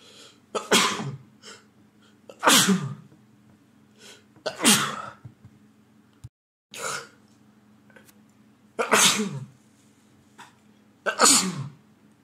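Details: Adult male with a head cold lasting over a week, having a sneezing fit: about six forceful sneezes in a run, some with a short breath in before them.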